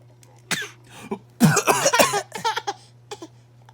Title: laughing at daddy coughing